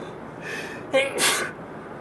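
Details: Person in a sneezing fit while driving: a sharp in-breath then a forceful, explosive sneeze against steady car noise.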